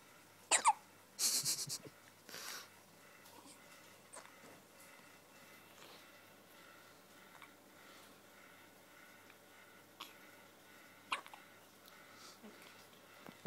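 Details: Hiccups: a few sudden, sharp breath catches at irregular intervals in a quiet room.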